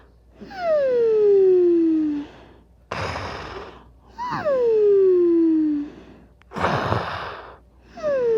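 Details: Cartoon-style snoring sound effect of a sleeping animated character: slow alternating breaths, about 17 a minute, with a falling whistling tone on one phase and a rough snorting noise on the other: snoring.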